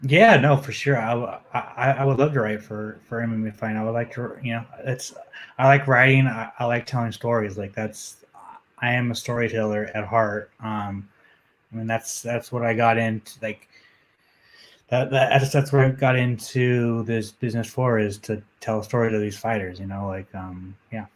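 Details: Adult man, a journalist, who says he has a stutter that comes out when he gets nervous, speaking in a podcast interview; stuttering.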